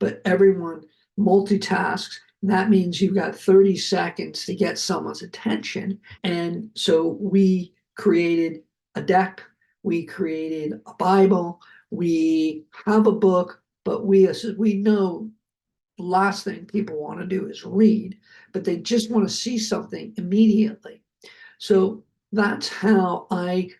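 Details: Adult male, heart attack and aphasia survivor, speech with repetitions and word-finding difficulty: aphasia.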